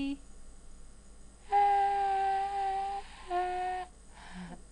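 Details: Bilateral vocal fold nodules after 25 days of voice treatment; patient sustains a tone at a higher pitch; sustained phonation with vocal fold nodules.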